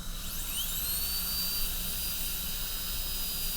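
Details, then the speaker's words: High-speed dental handpiece cutting an MOD amalgam preparation on tooth 29 of an Acadental typodont in a teaching demo, burr held vertical while finding margins: steady high-pitched whine rising as it spins up and holding while cutting. "So we're just trying to find the margins, just the way we always do. Keep the burr vertical."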